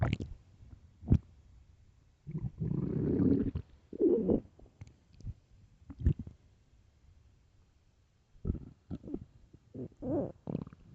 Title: 9 minutes of loud famished stomach growling